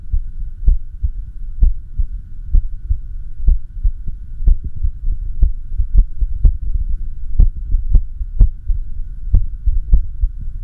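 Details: Echocardiography recording of the person's own heart during arrhythmia, with heart sound: low thumping beats at about 65 a minute, some early and others after longer pauses, an irregular heartbeat.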